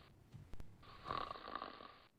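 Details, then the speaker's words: Simulated snoring in a scripted cartoon scene, dad snoring while sleeping on his back: a single rattling inhaled snore lasting about a second, with faint room noise. "And he's snoring again. Not this time. He's on his back. That's why he snores."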